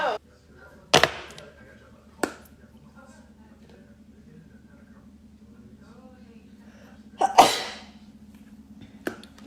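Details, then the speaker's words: Charli D'Amelio sneezing: several sharp, explosive sneezes, each preceded by a quick intake of breath, in a quiet room. "I need to sneeze. Never mind. No sneeze. Here we go."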